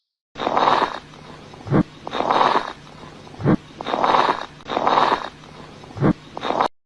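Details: Harsh, noisy breath sounds with short crackling bursts between breaths, about 17 breaths a minute; lung sounds of pneumonia as heard by stethoscope.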